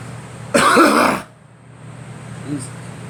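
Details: Girl coughing: a single harsh, throat-clearing cough burst lasting under a second, then quiet room noise.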